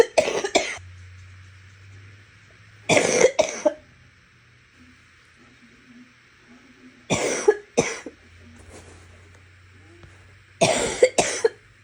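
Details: Four bouts of paired, loose-sounding coughs from an adult: wet, productive cough.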